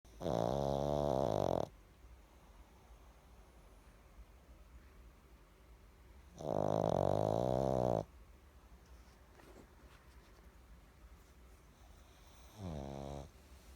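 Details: Pug snoring: loud, rattling snores on each in-breath, about 10 a minute, with quiet breathing between; flat-faced dog.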